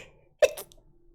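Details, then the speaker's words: A single sudden human sneeze, a sharp voiced burst with a squeaky, beep-like edge, in a quiet room, announced just beforehand. "I'm going to sneeze."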